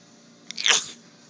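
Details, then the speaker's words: A single quick, hissing sneeze rises out of a quiet room and fades within half a second, followed by someone saying "bless you": a sneeze. "They're like, what was that noise? that was for real. Bless you."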